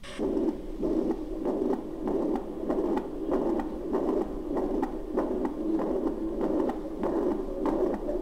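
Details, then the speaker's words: Mitral regurgitation murmur: rapid heartbeat with a steady blowing murmur filling the gaps between beats. "Mitral regurgitation murmur. Excellent, once again. It was mitral regurgitation murmur."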